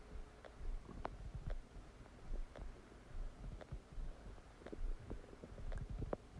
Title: Massive stomach digesting sound after eating a cheeseburger | My Stomach Makes Noises